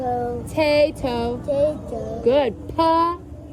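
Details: Young boy in a clinic attempting the word "potato", each attempt different, with inconsistent consonant and vowel errors and effortful speech, in speech therapy; childhood apraxia of speech.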